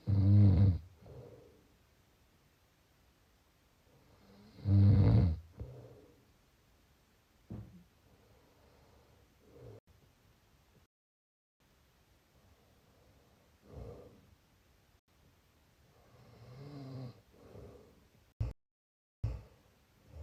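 Low, rattling snores on the in-breath, irregular and varying in loudness, roughly 13 a minute, with quieter breaths between.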